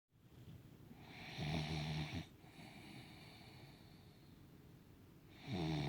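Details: Sleeping puggle dog snoring softly: buzzing, whistly inward snore, quieter exhale, then the next snore.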